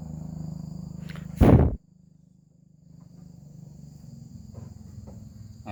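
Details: Goat that has been coughing for several days with a cough and cold: one short, harsh cough against quiet outdoor background noise.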